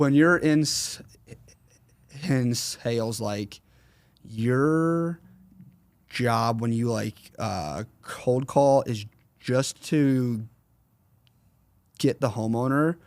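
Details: 21-year-old man with a stutter since 4th grade, severe during his school years, treated by a speech therapist around ages 8 to 10, still worse when consciously processing what he says; stuttering.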